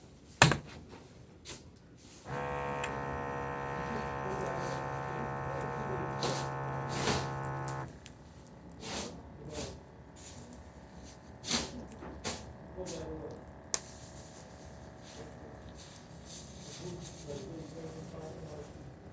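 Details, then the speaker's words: Automatic upper-arm blood pressure monitor (Vive Precision DMD1001), adult seated at rest with arm on table: steady motor buzz about five seconds as cuff inflates, then stops, quiet hiss and clicks while deflating; reading 126/83. "That inflation isn't actually my systolic blood pressure. That's the air pressure in the cuff."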